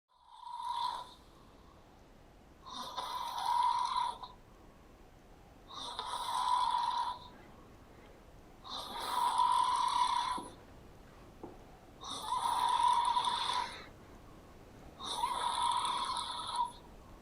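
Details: Man snoring: six loud, rattling snores on in-breaths, about one every three seconds, with quiet out-breaths between; steady snoring.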